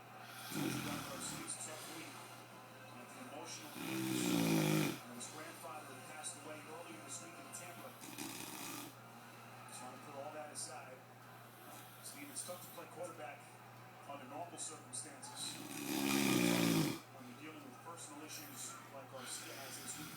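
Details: Several loud, rattling snores at irregular intervals over steady room noise and faint background talk; ordinary snoring.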